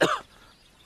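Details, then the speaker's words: Single short, harsh cough from an adult man, acted in a Hindi comedy skit about whether drinking liquor cures a cough; cough (acted). "भर खास रहा था जा जाके मेरे बाटली से दो घूंट मार ले जा क्यों दारू पीने से खासी चली जाएगी क्या"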